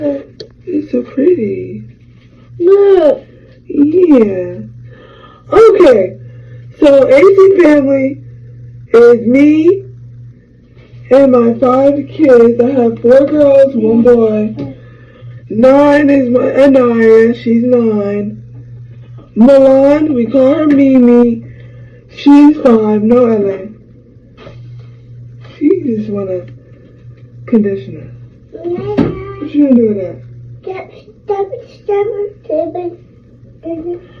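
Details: 26-year-old woman who had a hemorrhagic stroke from a ruptured brain aneurysm 6 days after giving birth to twins, with right-side paralysis; she lost speech and had to relearn talking; post-stroke speech impairment.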